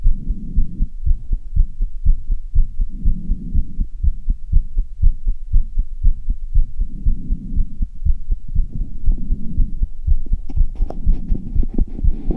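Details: Fast, strong, regular heartbeat at about 120 per minute after half an hour of running up stairs, with tiredness and heavy breathing: rapid heartbeat after exercise.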